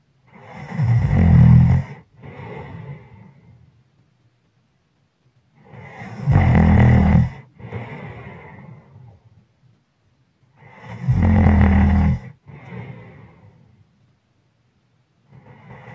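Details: Sleeper progressing from heavy breathing to loud snoring: loud, rough snores on each breath in, softer breaths out, about 12 breaths a minute; heavy snoring.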